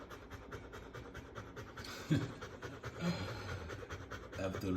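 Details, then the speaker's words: Standard poodle puppy after running: quick, steady panting with a brief background voice; normal fast breathing after exercise. "this is what happened after running and running and running Pluto"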